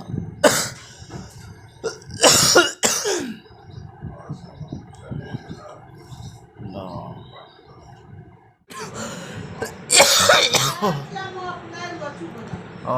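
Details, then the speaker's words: Adult man with very severe lingering cough after a cold and fever, unrelieved by medicine and home remedies: repeated harsh cough bursts in clusters: persistent cough. "अगर कोई नुस्खा आप लोग जानते हैं खांसी का तो मुझे जरूर कमेंट में लिखें ताकि आपके बताए हुए पर अगर मैं उसे करूं तो मैं ठीक हो जाऊं जल्द से जल्द और अपने जगह पर जा सकूं बहुत जबरदस्त खासी है"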